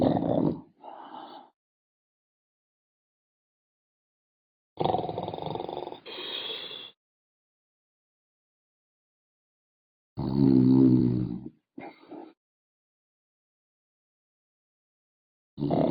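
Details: Snoring: loud, rough snoring breaths about every five seconds, roughly 12 a minute, each harsh snorting intake followed by a softer rattle.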